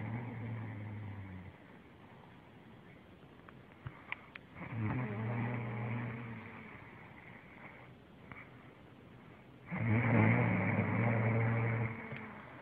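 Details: Adult woman snoring: low rumbling snores on breaths in, about three in twelve seconds, with quieter breathing between.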